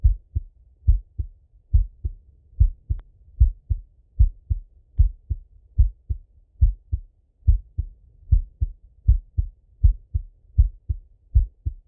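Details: Male heart auscultation with stethoscope, self-recorded partly sitting at a desk and partly lying in bed: steady lub-dub at about 75 a minute, clear first and second sounds; normal heart sounds.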